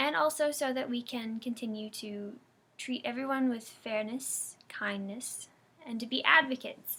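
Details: Girl who has stuttered since childhood, giving a first-hand account of living with the disorder; stuttering.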